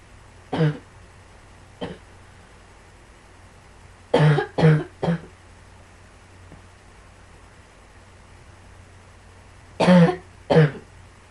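About seven sharp cough bursts in short clusters over eleven seconds, with quiet pauses between; repeated coughing.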